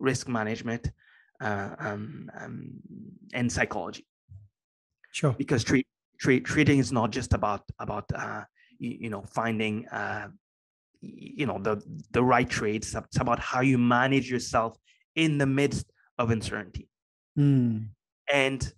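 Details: Adult man with a lifelong stutter he has had as long as he can remember; after many years of meditation practice he has more control over it and says it is now barely audible; stuttering.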